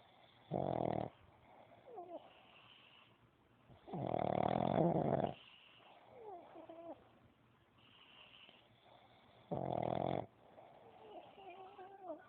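Loud, rough snores on the in-breath, about every five seconds, with soft snorting between them: snoring in a small flat-faced dog.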